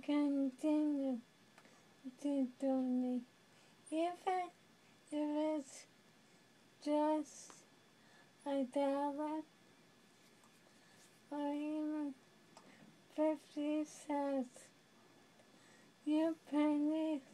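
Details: Dysarthria in a young woman living with amyotrophic lateral sclerosis (ALS, Lou Gehrig's disease).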